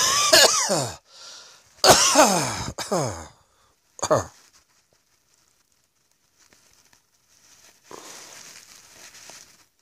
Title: Cross Dressing Coughing 56